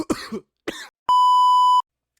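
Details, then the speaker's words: Man coughing after a vape cart hit, faster than he expected: two short, harsh coughs followed by a steady electronic beep. "I didn't even think I was gonna start coughing so fast. Usually I could do blinkers. I don't know what just happened."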